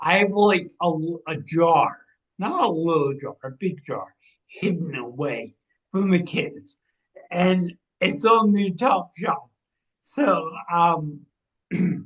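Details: 45-year-old man with cerebral atrophy and ataxia, a degenerative brain disease diagnosed in 2013 or 2014 affecting movement, balance and speech; speech changes began around 2020 as the disease progressed; ataxic dysarthria.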